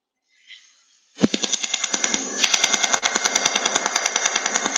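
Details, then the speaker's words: Brief silence, then loud rapid crackling pulses about three a second as the CARLO robotic laser osteotome cuts bone, continuing cutting while the mandible is dislocated in a demonstration; laser osteotome cutting bone. "i will dislocate the mandible and the laser will immediately correct for this movement and continue where it left off"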